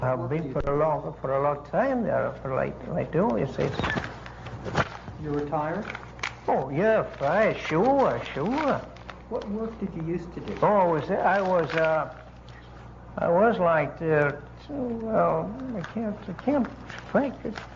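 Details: Wernicke's aphasia from a lesion in the posterior superior temporal lobe (first temporal gyrus); fluent speech with poor comprehension, repetition and naming; degraded old recording.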